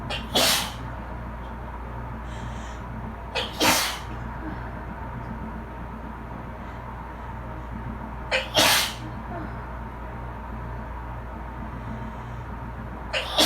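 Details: Person allergic to bleach sneezing repeatedly while sitting in a bath after cleaning with bleach: four sharp, explosive sneezes, each preceded by a quick in-breath, over dryer and A/C hum.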